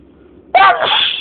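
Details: A single loud, voiced sneeze after a quiet moment, part of a very long spring allergy sneezing fit.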